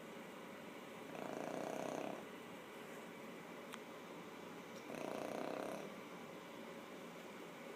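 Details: A sleeping animal gives two soft, rasping snores about four seconds apart, near 16 breaths a minute, in a quiet room. This is snoring.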